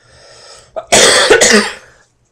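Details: Adult who has been sick for days and sleeping almost nonstop: a short intake of breath, then two loud, harsh cough bursts close together.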